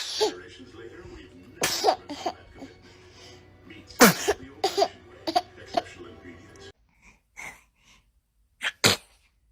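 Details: Baby sneezing, from a compilation of infant sneezes: several small, sharp sneezes with adults talking and background music; ordinary infant sneezing.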